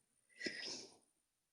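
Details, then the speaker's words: A single quiet, hissing, snort-like breath under a second from a Bulldog snoring beside the microphone in a quiet room. "i don't know if you guys can hear it but my bulldog is right next to me and he is snoring so if it sounds like there's a tiny gremlin on the microphone it's just my dog"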